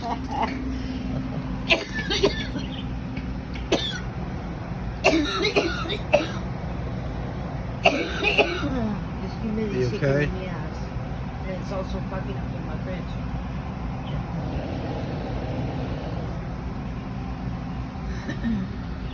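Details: Adult mother: a series of short, sharp coughs over a steady low background hum; cough.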